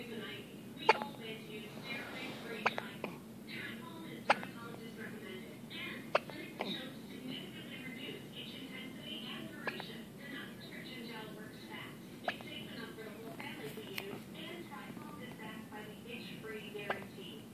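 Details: First hiccup fit: sharp, brief hiccup sounds repeating irregularly, about 18 a minute, over faint background talk and room noise; hiccups.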